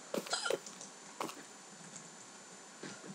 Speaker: as you can hear guys I've got the hiccups and I've had the hiccups all day